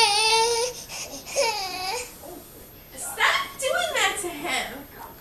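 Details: Infant crying in short wailing bursts with fussing between, in a small room while dad plays with the baby; ordinary baby cry.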